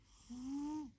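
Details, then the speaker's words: Sleeping pet cat, possibly dreaming: a single soft, steady, slightly whistling tone just over half a second on one breath; snoring. "How sweet my baby is sleeping. He's snoring."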